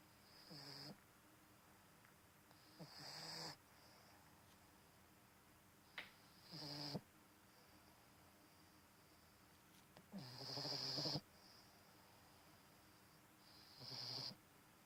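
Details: Bulldog puppy sleeping: five rhythmic snoring bursts, each a rough buzzing snore with a whistling edge, separated by quiet pauses.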